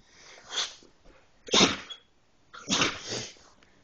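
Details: Pitbull dog, possibly excited, sneezing: three short, sharp bursts of air through the nose about a second apart; repeated sneezing.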